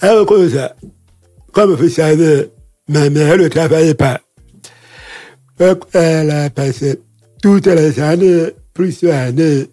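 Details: Man deaf since childhood after an illness and hospital visits, lip-reads; he says his voice has not sounded normal since a throat operation as a child in paediatrics; real French speech; deaf speech.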